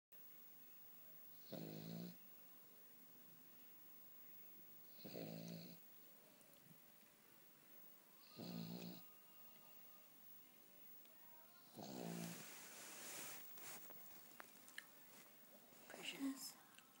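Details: Dog snoring even while awake: four rough, rattling breath noises a few seconds apart, about 18 a minute, in a quiet room; snoring.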